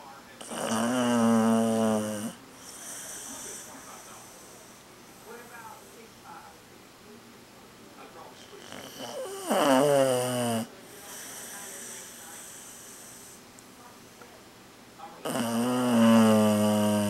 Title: cocoa the chow chow snoring LOUDER